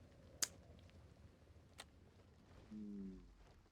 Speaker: You might even been able to hear that. That is the stomach grumbly noises, which have the name Borborygmus.